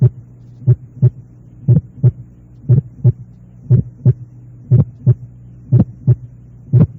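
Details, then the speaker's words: Simulated teaching recording, regular at about 60 beats a minute: an added click very early in systole, a pulmonary ejection sound. "Ruidos de expulsión o eyección. Los ruidos de expulsión, también llamados ruidos o chasquidos de"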